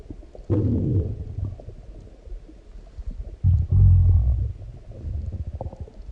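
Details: Deep, loud stomach growls and gurgles in two long bursts after a large meal; ordinary bowel sounds (borborygmi).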